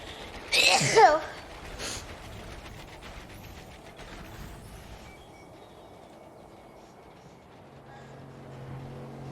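One sharp, explosive sneeze followed by a fainter second burst, then quiet room noise; ordinary sneezing.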